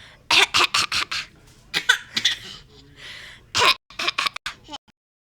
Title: cough.m4v